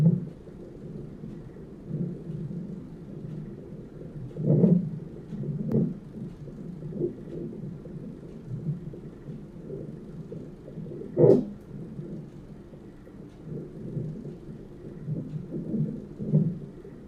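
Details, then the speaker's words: Fetal heartbeat on a hospital monitor at 29 weeks of pregnancy, during contractions, with a contraction monitor also on: rumbling, whooshing Doppler heart sounds broken by several louder thumps from fetal movement. "they put the contraction monitor and then they put the monitor that you hear the baby's heartbeat"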